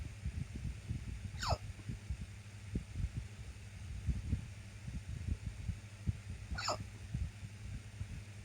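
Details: Randomly started hiccups: two brief, high, squeaky hiccup sounds about five seconds apart over a low rumbling background; hiccups.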